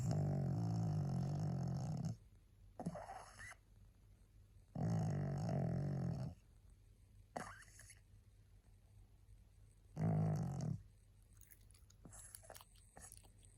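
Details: Very tired pug, a small flat-faced dog, asleep and barely able to hold her head up: long rumbling snores with quieter snorty breaths in between.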